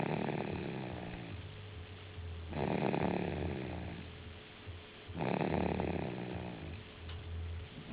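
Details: Young girl snoring: low, rattling snores on each breath, about three in eight seconds, roughly 23 breaths a minute.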